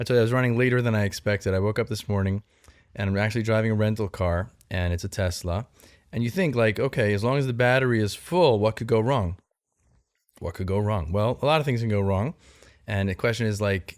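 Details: Adult male speaker; typical speech.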